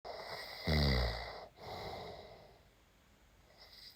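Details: Husband snoring during sleep over steady electronic game tones: one deep, rattling snore on an in-breath, ordinary snoring from throat vibration.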